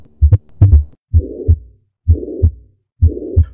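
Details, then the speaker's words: Harsh systolic murmur filling the gap between first and second heart sounds, about 64 a minute, from valvular pathology caused by myocardial infarction, given as an example in heart failure. "for example when we see a case of myocardial infarction causing valvular pathology we'll hear this"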